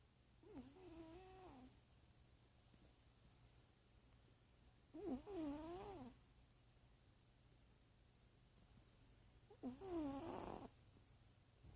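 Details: Three soft, wavering nasal snores with quiet gaps, about 15 a minute, from a big sleeping male cat; the vet said his snoring is normal and he is healthy.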